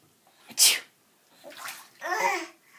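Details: Fake, deliberately imitated sneezes: a sharp hissing burst, then two softer voiced bursts.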